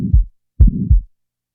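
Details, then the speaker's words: Simulated heart sounds on a teaching recording: low beats with a sharp early ejection click and a rumbling murmur filling systole, an ejection click with systolic ejection murmur. "in the next example an ejection click will be introduced and then a systolic ejection murmur will be added now the murmur will be [Music]"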